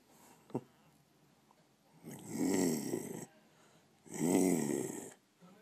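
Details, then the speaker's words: Loud snoring during sleep, likened to an old used car: two harsh, rumbling, rattling snores about two seconds apart, with a faint click before them. "Snore. Sound like an old used car. That's terrible, baby. Sound like a used car."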